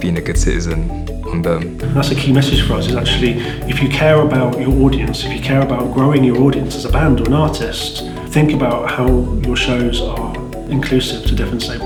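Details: Adult male speaker; ordinary speech.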